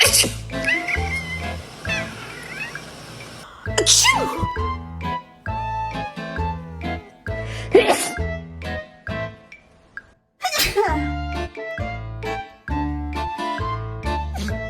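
About three short, explosive sneezes, partly covered by loud background music.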